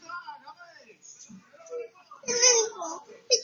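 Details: A baby shown Coleen Garcia on TV makes short whimpers that build into a high, wavering cry, with quiet room sound: infant crying.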